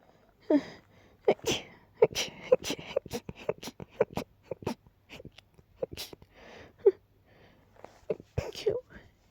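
A rapid run of many quiet, stifled sneezes with short breaths between; a sneezing fit.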